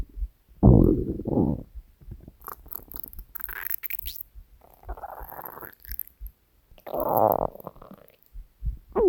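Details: Hunger stomach growling recorded from the person's own belly: loud gurgling, growling rumbles in several bursts; normal borborygmi.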